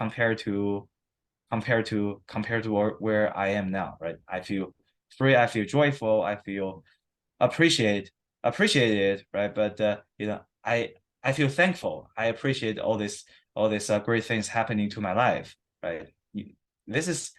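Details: Stuttering of about 20 years in an adult man after 7-8 weeks of therapy without physical strategies; he reports feeling about 70% free.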